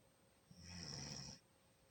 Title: Snore snore snore.